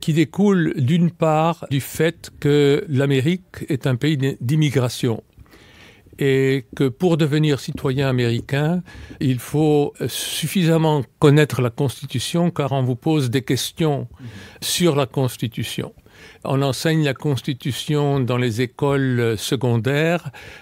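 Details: Adult male speaker; normal speech.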